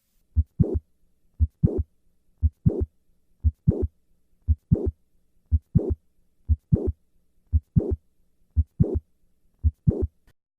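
Regular heartbeat about 58 a minute with a harsh murmur filling late systole; mitral valve prolapse murmur heard through a standing-to-squatting maneuver.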